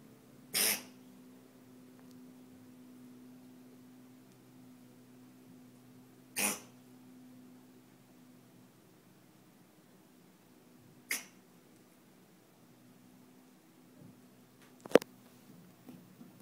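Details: A male cat, said by the owner to be perfectly fine, gives three short, sharp coughs several seconds apart against a low steady room hum; cat cough.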